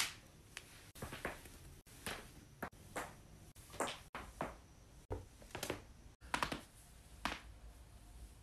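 About a dozen sharp, dry pops and clicks in quick succession in a quiet room: repeated joint cracking.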